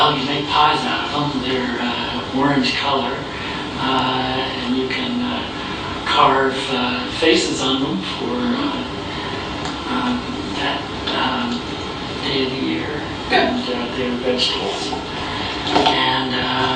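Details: Male patient with primary progressive aphasia and atrophy at the anterior tip of the left temporal lobe; he recognizes objects and understands their names but cannot retrieve the words, giving a description instead of a name: retrieval anomia (word-finding difficulty).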